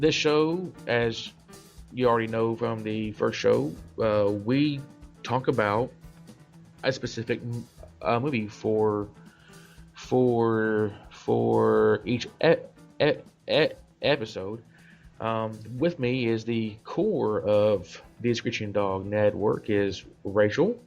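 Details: Adult male self-described stutterer; part-word and whole-word repetitions; stuttering.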